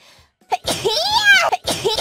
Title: last sneeze before move to Japan